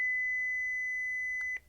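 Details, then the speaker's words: Philips HeartStart OnSite AED in a demonstration of use: a steady high-pitched tone ends in a soft click as the shock is delivered after shock advised and the flashing orange button is pressed. "shock delivered be sure Emergency Medical Services have been called it is safe to touch the patient"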